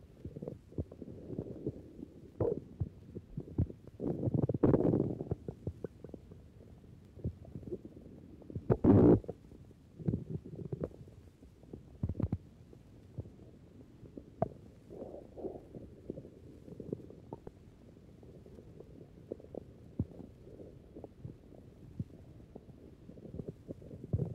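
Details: Normal but very active (hyperactive) bowel sounds recorded from the abdominal wall of a healthy hungry man before dinner who has just smoked a cigarette: normal intestinal contraction and movement sounds.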